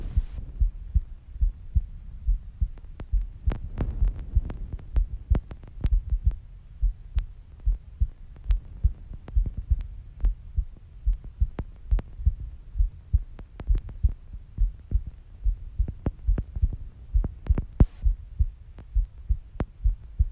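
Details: Female heartbeat at about 69 beats per minute: steady, low thumps with a soft background hum; normal heartbeat.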